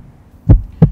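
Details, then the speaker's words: Two low thumps, lub then dub: normal heart sounds, the first from ventricular contraction and atrioventricular valve closure, the second from valves in the vessels leaving the heart, in a grade 6 science lesson. "as the chambers of the heart alternately contract and relax distinct sound like this is produced"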